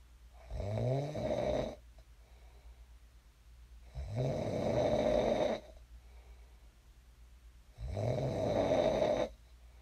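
Rhythmic, rattling snores on each breath in, about 16 a minute, with quiet breaths out between them; ordinary sleep snoring.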